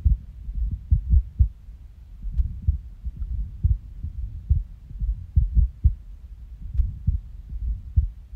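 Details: Resting heartbeat recorded on waking from a nap: low thumps with uneven spacing and pauses; irregular heartbeat with skipped beats.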